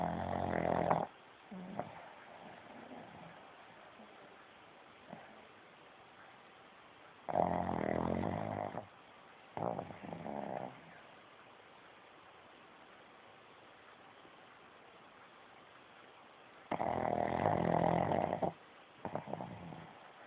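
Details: Pug snoring: rough, rattling snores, several loud snoring breaths separated by quieter pauses.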